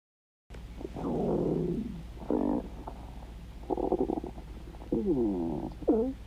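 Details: Dog's stomach growling: several gurgling, squeaky rumbles rising and falling in pitch over a steady low hum; ordinary borborygmi.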